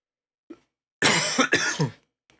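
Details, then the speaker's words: Two or three harsh coughs running into a throat clear, after a faint sound, from a sick adult with a croaky voice; cough. "And my voice is very croaky, because I'm sick."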